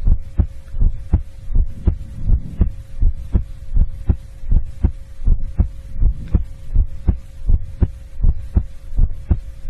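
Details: Heartbeat recorded for ASMR: a steady, regular, low thumping normal heartbeat at about 80 beats a minute, with a faint steady hum behind it.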